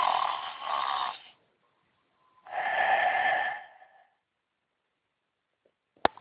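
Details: Rory the tiger asleep after a night performing on stage: two long, airy, rasping snoring breaths with a faint tonal whistle, then silence and a click.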